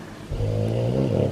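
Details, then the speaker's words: Low, rumbling, sustained snore-like breathing from an awake dog that is exhausted after walking for over an hour; the owner says she snores while wide awake. "Bella is just so exhausted. Can you hear her?"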